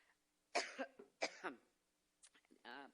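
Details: A woman, giving a campaign speech in Iowa, makes two hard, dry cough bursts, then a softer throat clear and a short voiced sound, part of a coughing fit.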